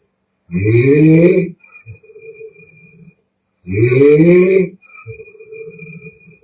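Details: Young Chinese woman in deep sleep, real snoring recorded with permission: very loud, rough rattling snores on inhalation, mouth-blowing exhale with softer whistling, about 19 breaths a minute; heavy open-mouth snoring.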